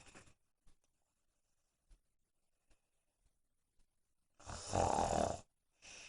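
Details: Young woman snoring in sleep: quiet breathing with faint clicks, then one loud rattling snore on an in-breath lasting about a second, then the start of another.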